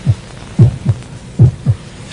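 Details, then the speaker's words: Normal heart sounds of the human heart at rest, regular lub-dub beats at about 72 a minute, produced by the closing of the four heart valves (atrioventricular and semilunar). "이 4개의 판막은 심장의 양쪽 부분에서 짝을 이루어 꾸준히 열렸다 닫혔다를 반복합니다. 우리가 듣게 되는 심장의 규칙적인 박동 소리는 이 판막들이 닫히는 소리입니다."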